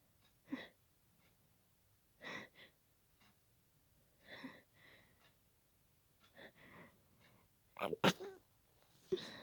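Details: About seven to eight short, muffled, suppressed sneezes with small catches of breath between them, after a building nose tickle, held quiet so as not to disturb someone sleeping in the room: stifled sneezing fit.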